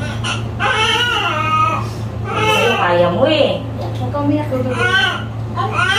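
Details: Repeated short wailing cries of a newborn just after a normal delivery to a 33-year-old first-time mother, over a steady low room hum; vigorous newborn cry.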